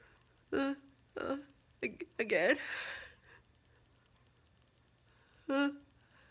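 Building 'ah… ah…' catches of breath, then one loud explosive sneeze, followed later by another 'ah' that does not become a sneeze.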